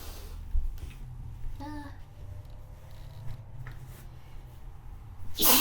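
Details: One sudden loud sneeze burst at the end after quiet room sounds and a brief voiced sound, from a sick, snotty model.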